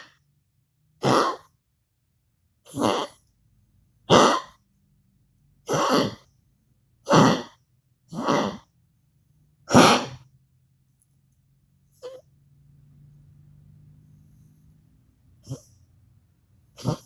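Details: Dog coughing, recorded for its veterinarian: seven harsh, honking coughs spaced one to two seconds apart, then a soft throat sound and two brief coughs.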